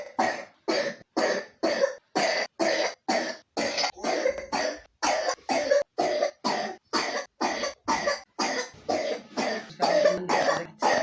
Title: 3 year old pneumonia coughs